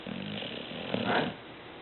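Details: Dog snoring: the roommate's dog Tyson, with an ongoing snoring problem.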